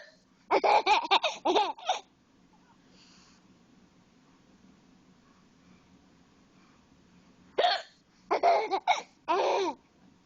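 Two clusters of short, abrupt voiced bursts in a quiet room, mixed with laughter. Consistent with hiccups.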